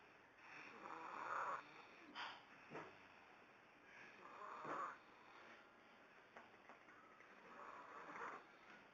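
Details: Son asleep snoring through a nose partly blocked by a booger: soft, irregular, whistly, congested nasal snores about 18 breaths a minute; he says he doesn't snore.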